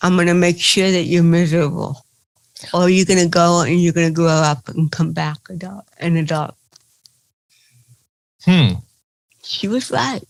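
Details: Adult woman comedian with cerebral palsy, real (not acted), retelling her first stand-up comedy routine; dysarthria (cerebral palsy).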